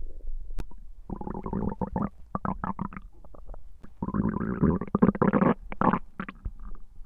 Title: うるさいお腹の音😂Noisy stomach growling 💦